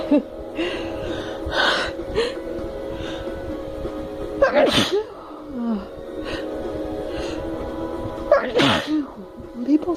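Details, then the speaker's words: Snuff-induced sneezing in a female: two sharp explosive sneezes, each after a quick indrawn breath, over background music; ordinary sneezing. "hey let's see if i can get like a double or a triple out with the paper towel also since my nose is so tickly anyway"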